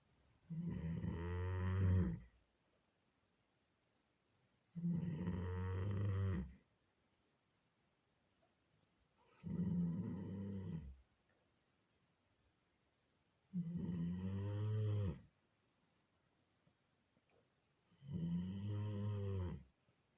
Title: My Doberman snores louder than a Japanese sumo wrestler! 🤣😎 loudly ❤️ #funnyvideo